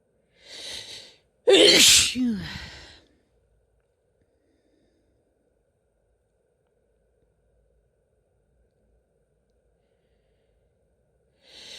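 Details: Female sneezing: a sharp in-breath, then one loud, forceful sneeze trailing into an exhale, with the start of another at the end.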